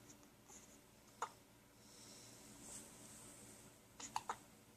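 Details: Girl awake at night in the bedroom with hiccups: short, sharp hiccup clicks, a single one then a quick pair, over quiet room noise.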